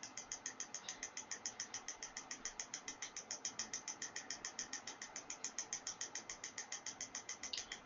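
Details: Fast, steady ticking pulses, about 105 a minute, from a combined 7 Tesla magnetotherapy and 808/650 nm class 3 laser cluster physiotherapy unit running in demonstration, magnet in switching-frequency mode, laser 80% continuous.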